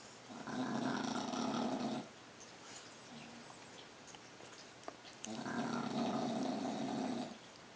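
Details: Snoring in a sleeping dog: two long, rough, growly snores on breathing in, about five seconds apart, with quiet between.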